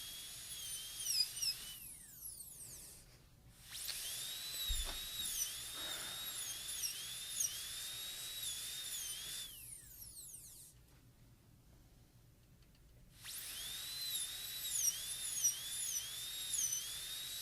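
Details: A high-speed dental drill extends the shoulder gingivally while an orangewood stick holds the gingiva down on a maxillary typodont tooth for a PFM crown prep; it whines in bursts with short pauses, pitch dipping under load.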